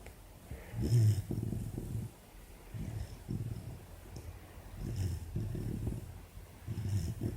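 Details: 4-month-old female Labrador puppy asleep with an ear bud in her mouth: soft, low rumbling snores repeating about every two seconds; harmless puppy snoring.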